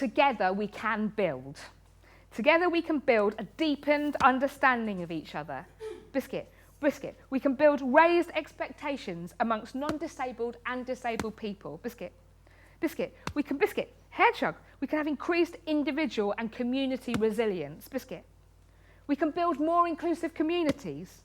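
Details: Woman in her 30s with Tourette syndrome, tics present since age six; involuntary vocal tics, most often "biscuit" and "hedgehog", plus coprolalia. Finding: Tourette syndrome vocal tics.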